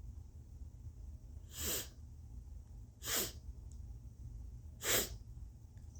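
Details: Three short, sharp sneezes one to two seconds apart over low room noise, deliberately induced with turmeric and nostril tickling in a very congested nose; turmeric also burning inside the nose.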